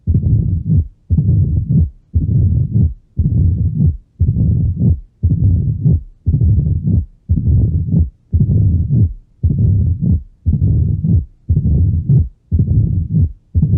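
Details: Mitral valve disease teaching audio: regular heart cycles about 58 a minute, each with a low rumbling murmur building before the next beat, diastolic rumble of mitral stenosis.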